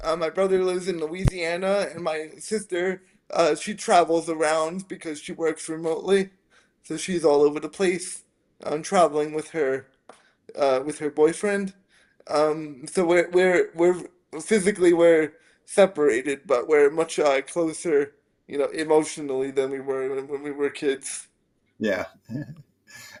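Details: Spastic dysarthria in a 27-year-old man with spastic quadriplegic cerebral palsy from a brain injury at premature birth (born three months early as a triplet), affecting his motor function, balance and speech.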